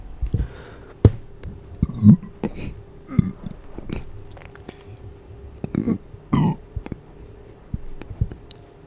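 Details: Several low, muffled closed-mouth burps from a first attempt, with a few small hiccups between them, in a small quiet room; repeated burping.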